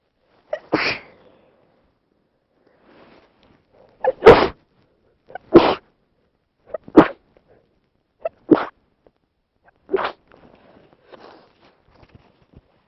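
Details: Six sharp sneezes in a row, each with a brief catch of breath before the burst, in a quiet room.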